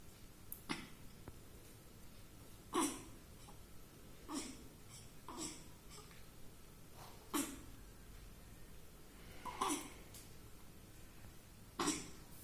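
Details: 10-day-old, 3 kg newborn in NICU after meconium (dirty water) entered lungs during delivery, with infection; about seven small, short coughs a couple of seconds apart, improving after treatment; newborn cough after meconium aspiration.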